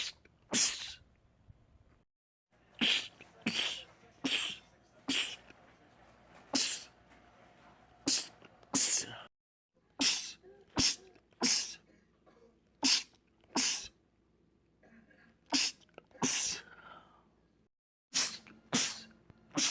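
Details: Male sneezing compilation clip: about eighteen sharp, explosive sneezes in quick succession, several in close pairs, with short quiet gaps, a sneezing fit.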